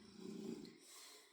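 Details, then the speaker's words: Single soft low rumbling snore from a sleeping dog, followed by quiet room noise. "Excusez-moi si vous entendez ronfler, c'est"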